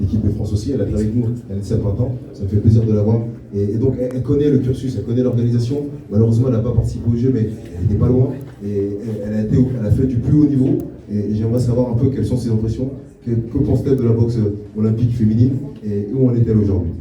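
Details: Adult man speaking French; normal voice.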